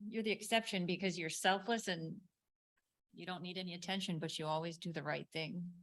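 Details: Adult woman speaking; typical speech.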